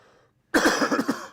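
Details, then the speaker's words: Adult man recovering from a cold, speaking on a live show: a sudden burst of about five quick, rough coughs in a row; cough. "also you will hear me coughing and like that because I am overcoming a cold"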